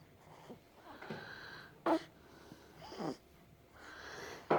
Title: Baby hiccups